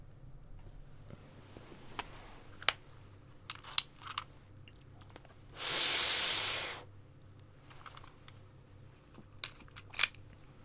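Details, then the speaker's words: A slightly breathless adult uses an inhaler: scattered clicks and handling noise, then a single hissing burst of about a second. "And since I'm a little breathless, I'm going to use my inhaler before beginning. And you will hear me wheeze like an ancient thing that might belong in a graveyard."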